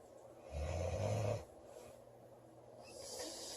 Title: Loud girl snoring July 13 2017